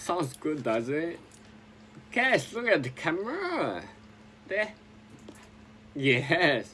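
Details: Adult man with sporadic spinocerebellar ataxia since 2002, speaking as self-directed speech therapy; ataxic dysarthria.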